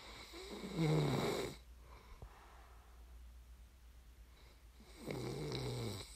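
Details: Snoring ASMR recording meant to aid sleep: two loud, rattling snores on in-breaths separated by a quiet pause over low room hum; snoring during sleep.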